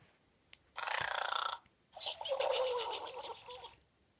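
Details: Electronic soft pig children's toy imitating snoring while 'sleeping': a hissing in-breath snort, then a rattling, fluttering out-breath.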